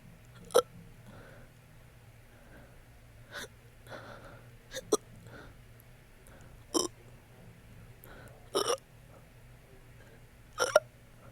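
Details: Six abrupt hiccups about every two seconds, some with a burp-like quality, against faint room hum; ordinary hiccups.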